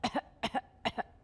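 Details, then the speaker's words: Doctor's imitation, not a patient, of whooping cough (pertussis): a run of rapid, forceful paired staccato coughs, which she describes as leaving patients gasping for air on the hard inhalation; simulated whooping cough. "They're like gasping for air. They're gasping for air. So it's that inhalation that really can can be really hard to get in and that's why they call it the whooping cough."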